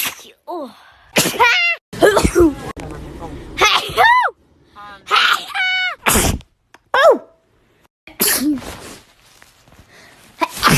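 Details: Girl sneezing: a run of high, squeaky sneezes, each with a quick breath in and a sharp burst out, spaced by short pauses; sneezing.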